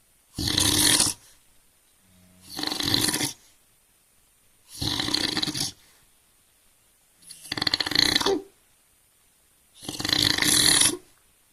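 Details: Five loud, harsh snores on breathing in, about every two and a half seconds with quiet gaps, from an overweight adult man (father); heavy snoring.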